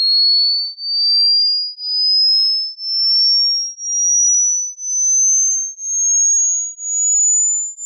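Pure high-pitched tone pulsing about once a second, slowly rising in pitch; hearing test sweep for checking the upper limit of hearing.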